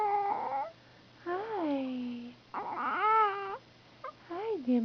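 Brief whimpering infant cries in short rising and falling bursts, with quiet room noise; mild fussing cry.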